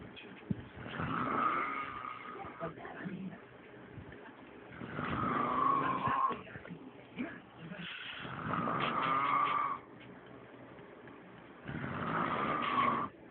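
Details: Loud, rattling snores in a steady pattern, about four in thirteen seconds, each a drawn-out noisy breath with quiet gaps between: snoring.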